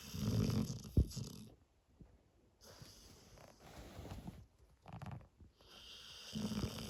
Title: Snoring presa cross dogue de